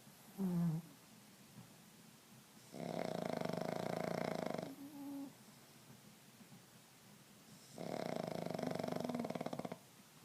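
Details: Napping pugs snoring: loud rattling snores on two slow breaths, with quiet pauses and a brief snort between them.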